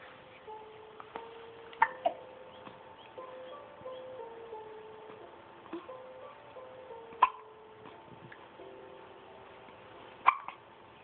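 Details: Four sudden, sharp hiccups, two close together then two spaced several seconds apart, with soft music behind.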